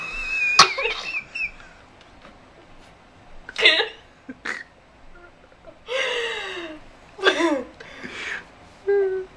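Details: Infant gives about five short, deliberate fake coughs with small voiced sounds in between, a playful imitation: voluntary (fake) cough.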